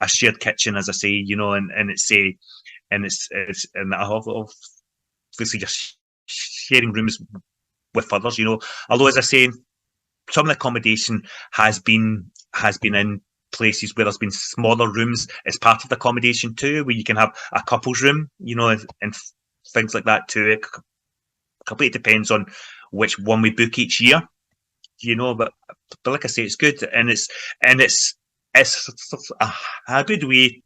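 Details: Adult man who stammers, involved in the stammering self-help movement for over 25 years, in everyday conversational speech; stuttering (stammering).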